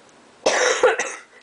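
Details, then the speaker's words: Adult with a really bad cough: two to three quick, harsh, forceful coughing bursts in a quiet room; cough. "I have a really bad cough so you might hear that a little bit"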